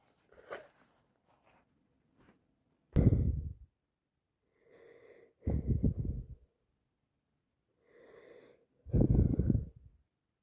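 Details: Series of three rapid sneezes, each a sharp in-breath then explosive burst, with itchy, irritated eyes; uncertain whether cold or allergies; repeated sneezing.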